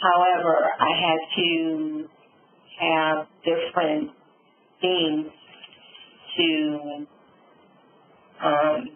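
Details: Adult woman, real stroke survivor, with aphasia and apraxia after a subarachnoid hemorrhage and stroke; she reports sometimes being unable to think of the word; aphasia with apraxia of speech.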